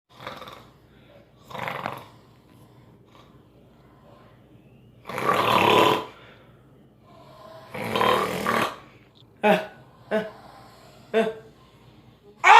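Loud, harsh, rattling snores at irregular intervals, some long and some short and snorting, with quiet gaps between. Loud snoring.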